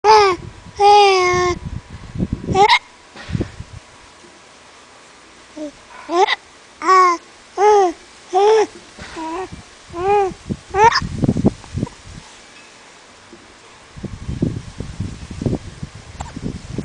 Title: stupid hiccups